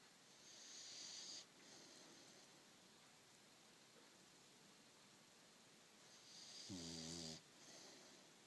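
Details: Two soft, rough snores several seconds apart over faint room hiss; snoring.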